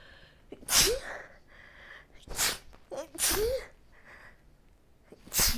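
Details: Seasonal allergy at the change of seasons in fall: about four forceful, wet-sounding congested sneezes in quick succession, each with a sharp in-breath.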